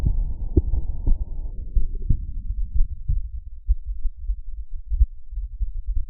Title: Heartbeat auscultation stethoscope heart sounds - Erb’s point - customise parameters of sound